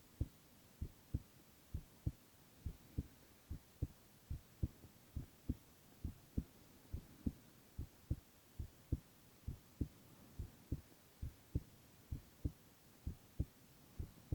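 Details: Silent ASMR recording of a male's continuous heart sounds: steady lub-dub heartbeat at about 67 beats a minute, even rhythm, soft background hum.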